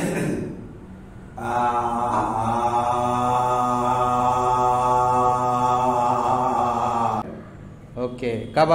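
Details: Adult male; Normal adult male voice after puberphonia therapy.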